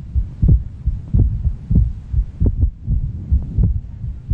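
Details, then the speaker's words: Pericardial knock in constrictive pericarditis: regular heart sounds near 85 a minute with an extra early diastolic knock, from ventricles striking a thickened parietal pericardium, timed like an S3 and hard to distinguish. "caused by the ventricles hitting that thickened parietal pericardium as they try to expand it occurs around the same time as an S3 heart sound however so it can be difficult to distinguish"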